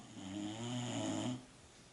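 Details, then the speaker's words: A sleeping female dog snores loudly: a single long, low, rumbling breath with a buzzing, fluttering quality, then quiet room noise. "um I just realized that dog is snoring very loudly can everybody hear that"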